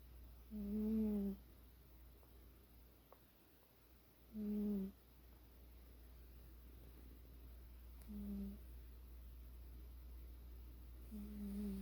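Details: A sleeping cat that rarely snores: soft, tonal, whistling snores on each breath, about 16 a minute, over a quiet room hum; gentle snoring.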